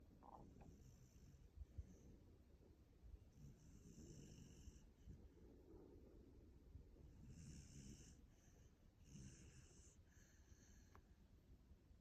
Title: After a big puppy day😪❤️ Hear that snoring!? #puppysnoring #puppytongue #dogsleeping #sleepydog